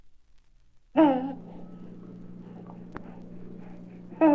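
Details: Two brief, bright cooing calls from an infant over a steady low room hum, from a 1967 recording; normal, contented vocalizing of a healthy baby.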